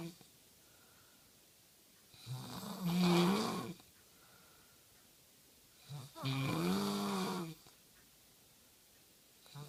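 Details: Snoring: two slow, drawn-out snores with a groaning, voice-like tone, about 17 a minute, quiet between them.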